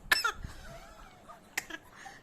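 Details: A baby girl aged two and a half months gives two small, soft cough-like bursts separated by quiet; the parent says she is not sick and suspects a fake, attention-seeking cough.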